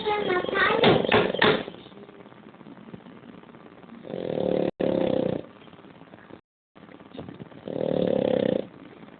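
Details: Sleeping bulldog snoring: repeated rough, droning breaths in long bursts with pauses between; talking at the start.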